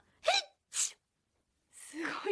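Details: AI-generated (Sora2), simulated sneezes: two quick, high, airy sneezes in a row, then a breathy exhale as speech resumes; sneezing.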